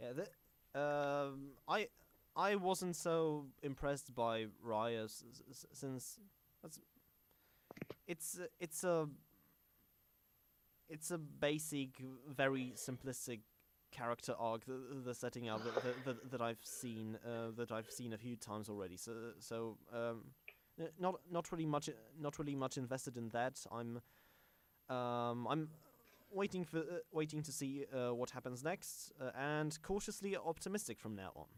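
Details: Stuttering in a male podcast host who calls himself a stammering host, on a show combining podcast and speech therapy; stuttering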